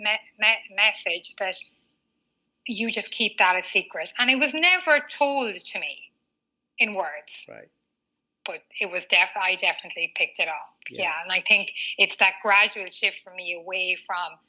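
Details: Adult woman, a former covert stutterer who now stutters openly, with a stutter marked by frequent word repetitions; she has had speech therapy including fluency techniques: stuttering.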